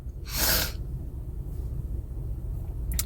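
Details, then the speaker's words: Single forceful sneeze then quiet breathing, from an adult woman on day 10 of congestion and sneezing with a cold not going away. "I'm working with day 10 of being congested and sneezing."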